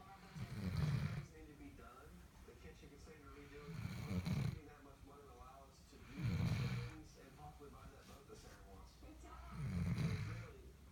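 Low, rumbling snores recur about every three seconds, roughly 20 per minute, with quieter breathing between them: ordinary snoring in a sleeping puppy.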